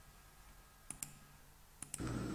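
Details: Four sharp, brief clicks in two closely spaced pairs, then rising rubbing and handling noise; temporomandibular joint click with jaw opening and closing, from a diagnosis of temporomandibular disorder contrasting clicking with crepitation.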